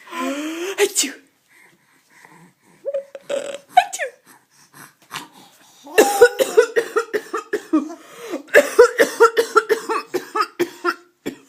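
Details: Adult woman (mother) coughing while her daughter laughs at the cough.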